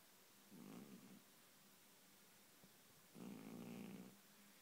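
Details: Two soft, buzzing snores separated by a quiet pause from a sleeping cat that is dreaming and twitching, described as a loud snorer; snoring.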